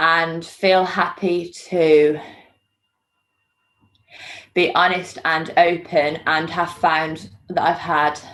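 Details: Stuttering in a woman, recorded before joining the McGuire Programme (untreated); she reports hiding her stammer by saying 'um' before almost every word and substituting feared words.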